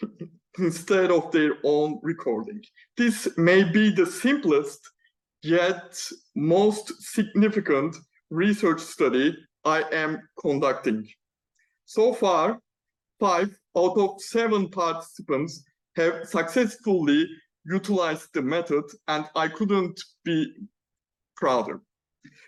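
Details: Male PhD student who stammers, speaking spontaneously in a Q&A without the self-developed fluency method he uses for prepared talks; stammering.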